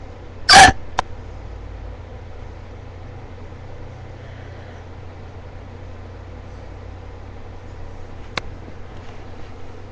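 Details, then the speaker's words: Sharp, abrupt single hiccup with a faint click, then room hum: ordinary hiccups, which the person says hurt at a spot they point to, after about half an hour of hiccuping. "I take up I have hiccups right now like that. And there's a cat. These are rendering hiccups. They're actually hurt like right here."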